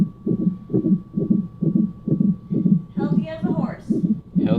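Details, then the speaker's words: Fetal heartbeat on a hospital monitor as the mother reaches 42 weeks of pregnancy, not yet in labor after a membrane sweep: rapid, regular whooshing thumps at about 130 beats per minute, with brief voices in the background. "so there's the update there before i end this clip listen to little rigel's heartbeat check it out"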